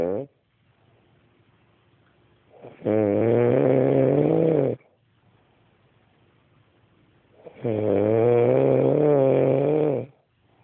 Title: My wife is snoring